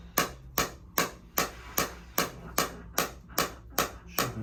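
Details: Sharp, regular snapping pulses, about 150 a minute, from a shockwave therapy device near the end of a second session on the left SI joint, hip and lower back. These are the final 120 shocks for a runner with a history of sciatic nerve damage.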